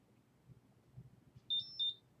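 Two short high-pitched electronic beeps after quiet room noise: a spirometer signalling while it sets its baseline before testing.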